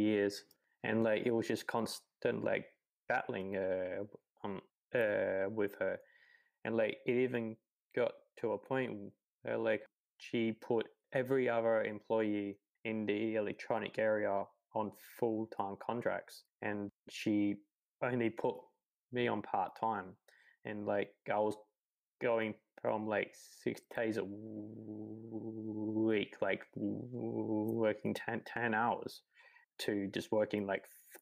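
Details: 28-year-old man who has stuttered his whole life, since about age three; repetitions and fillers; stuttering.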